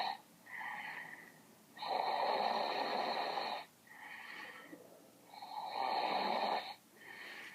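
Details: Loud, rough snoring with a harsh buzzing phase alternating with softer breaths, about 17 cycles a minute, likened to a cow.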